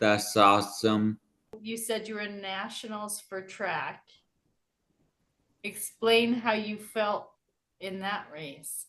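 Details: Adult speaker, interviewer; normal speech.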